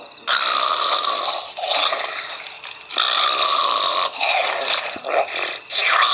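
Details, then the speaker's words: Loud, rough, rasping breaths every second or two from a sleeping dog; snoring. "Hey, wake up. Come on, you're snoring."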